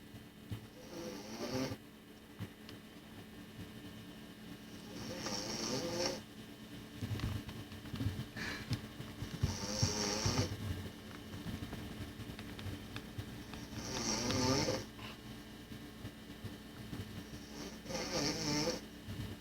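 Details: Snoring: loud rattling snores with snorting breaths, roughly 14 a minute, over a steady background hum.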